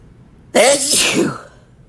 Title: Hitching Wet Male Sneezes